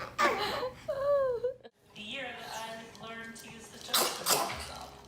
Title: Aaah chuu! Funny baby sneeze. Funny kids videos.